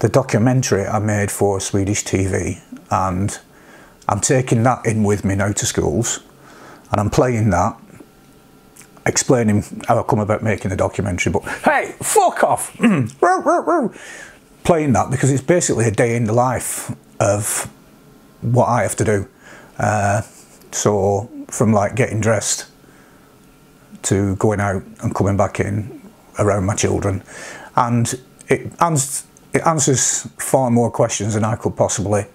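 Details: Tourette syndrome with vocal tics in an adult man, including interjections like "hey", words, barking and coprolalia; tics at this degree began after age 46, alongside mild sniffing, humming, blinking, eye-rolling and neck-stretching tics.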